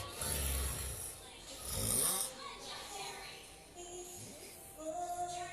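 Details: Adult man, snoring during sleep; titled loud sleep apnea snoring: one loud, rough snore rises and fades amid faint music and room sounds, with quieter breathing noise around it.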